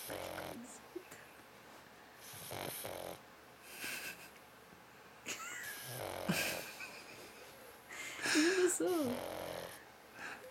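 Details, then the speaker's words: Pet pug snoring very hard while nearly awake: irregular snorting, rattling snores with wheezy squeaks, voices in the room. "¿se ronca despierto? Está refundido."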